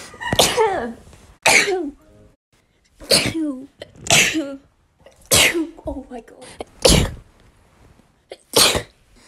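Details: Daughter sneezing: a series of about seven sharp, explosive sneezes, each with a brief intake of breath before it, separated by short pauses.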